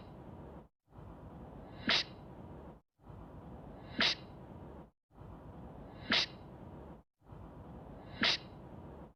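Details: Four identical sharp sneezes at even intervals over steady hiss, sounding like one repeated sneeze: sneezing.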